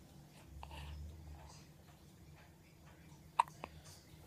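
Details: Baby hiccups: soft baby sounds, then one sharp hiccup followed closely by a smaller one; no wheeze.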